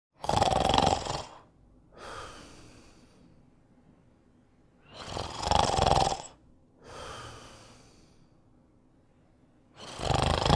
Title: Snoring sound effect